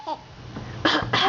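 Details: Mother's cough: a brief faint vocal sound, then two loud, harsh, explosive adult coughs in quick succession, at which her baby laughs.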